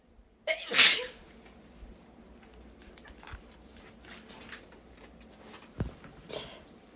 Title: Strong sneezes